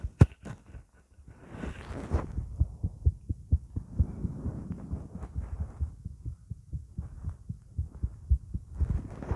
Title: My heartbeat sound